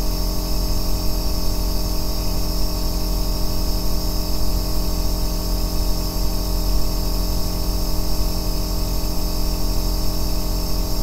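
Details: Aerosol nebulizer compressor in steady operation, recorded as ASMR white noise for sleep and relaxation: an unbroken bass-heavy machine hum with soft hiss.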